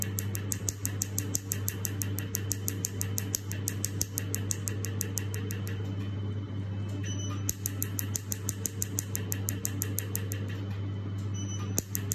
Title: Laser Tattoo removal #olimpiacarmen #lasertattooremovalspecialist